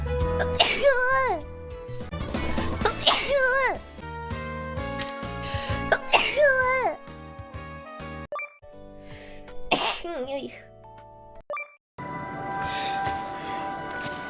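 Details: Compilation of sneezes from several different streamers: separate sneezes in different voices, with music and brief talk between them.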